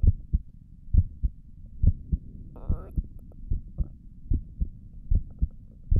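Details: Relaxing ASMR heartbeat recording of own chest via stethoscope: steady, clear, regular lub-dub at about 70 beats a minute; normal heart sounds.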